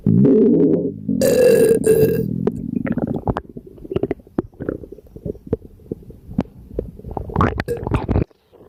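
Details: Burping from an extremely gassy, upset stomach, with diarrhea noted.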